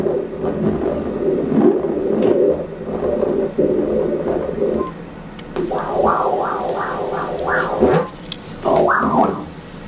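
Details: Doppler ultrasound at 35 weeks of a female fetus: rhythmic whooshing pulses over steady noise from umbilical cord blood flow, described as very good, normal flow.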